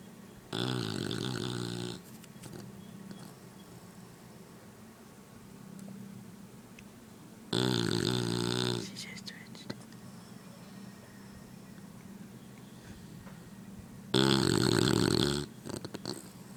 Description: My English Bully snoring as she sleeps.